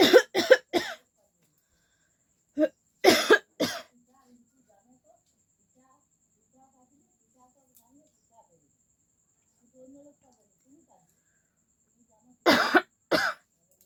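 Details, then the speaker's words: Three short clusters of harsh coughs with quiet pauses, from a person with a common cold caught going out in the heat at Durga Puja. "तो guys इस वजह से मुझे थोड़ा सा जुकाम सर्दी जुकाम हो गया है"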